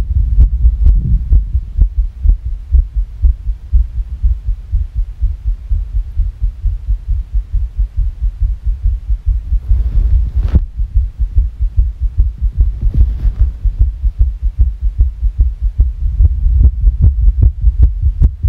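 Rapid, uneven low thumping heartbeat, roughly 140 a minute, with a steady hum underneath; a fast irregular rhythm.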